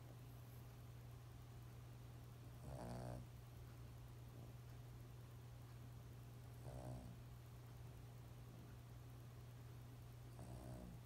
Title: Lhasa apso snores